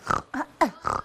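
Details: Vocal tic in a 25-year-old woman with Tourette syndrome; symptoms began at age five, diagnosed at six, with vocal and motor tics and no remembered tic-free period.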